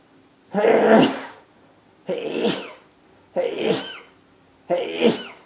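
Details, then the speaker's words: Run of repeated sneezing in an adult man's morning sneezing fit after waking: four forceful, sharp voiced sneezes in quick succession with short breaths between, part of about ten in a row. "hey hey hey hey hey that was like ten in a row gosh my shoulders been hurtin"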